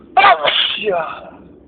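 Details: Spring allergy sneezing fit: a single loud, sharp sneeze with a voiced burst and trailing exhale, part of a very long allergic sneezing attack.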